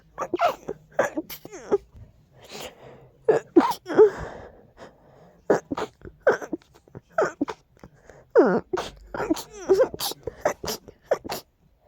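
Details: Strong allergy sneezing fit: a rapid run of sharp, explosive sneezes, well over a dozen in about twelve seconds, with catchy breaths between them.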